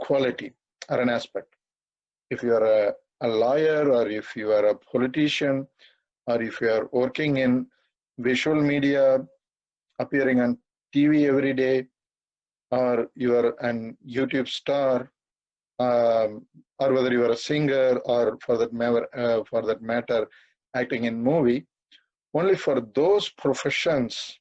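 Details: 42-year-old man who has stammered all his life, through school, college and work, stammering occasionally while speaking; stuttering.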